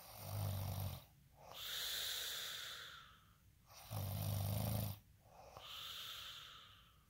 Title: snoring asmr sound 14